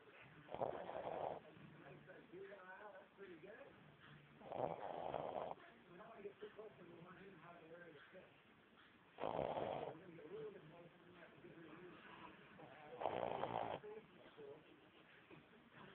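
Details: Four rasping snores spaced several seconds apart with soft whiny vocal sounds between; muffled recording; snoring.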